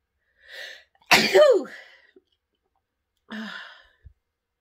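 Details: Woman deliberately sniffing pepper to trigger sneezes: a quick breath in, then one loud explosive sneeze and a breathy exhale; she sneezes and honks her nose to clear her sinuses throughout.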